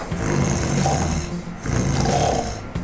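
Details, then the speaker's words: Demonstration of simple snoring: when the airway narrows, the soft palate vibrates, as when the uvula sags; the resulting sound illustrates simple snoring. "그런데 평상시보다 구멍이 좁아지면 이런 소리가 납니다. 이게 연구개가 떨리는 소리죠. 그래서 목젖이 늘어지거나 하는 경우에 이런 소리가 납니다."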